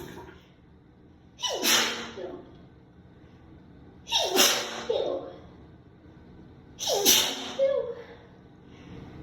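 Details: Person recorded in the shower who suspects a sensitivity to newly bought soap and began sneezing right after using it: three sneezes a few seconds apart, each a quick indrawn breath then an explosive burst.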